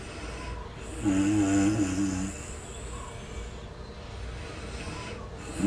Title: Snoring sound #fallasleep #remsleep #sleepfast #fallasleepinunder3minutes #sleepquickly